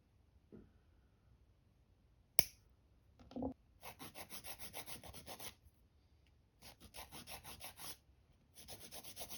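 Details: Professional pedicure removing an ingrown toenail spike; a sharp snip, then runs of rapid rasping strokes as the toenail is cut and filed.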